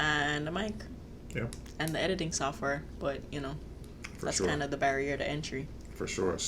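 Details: Adult speaker; typical speech.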